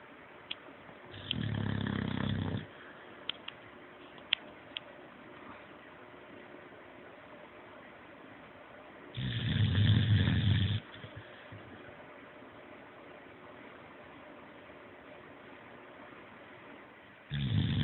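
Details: Two deep, rumbling snores about eight seconds apart, with a third beginning at the end; quiet room between breaths; snoring.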